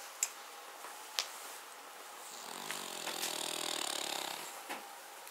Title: Cavalier King Charles Spaniel - Rough snoring - [Paca]